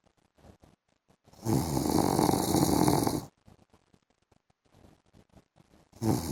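Loud, harsh, rattling snore lasting about two seconds, then quiet breathing and faint clicks before the next snore begins. Heavy snoring during sleep.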